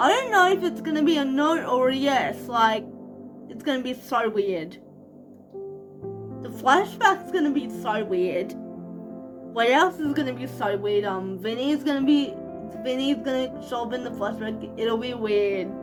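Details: 25-year-old woman living with cerebral palsy, speaking in her vlog; speech in cerebral palsy.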